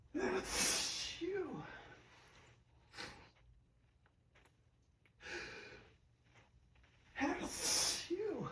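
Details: Two loud, forceful sneezes, each with a sharp gasping intake, quieter breathing between, on a morning of high pollen; full-body allergic sneezing.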